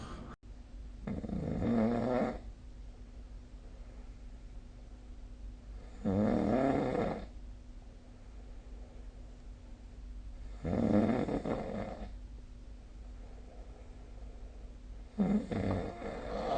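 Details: Snoring during sleep, recorded with a snoring-tracking phone app: loud, rumbling snores at about 13 breaths a minute, separated by quieter stretches of steady room noise.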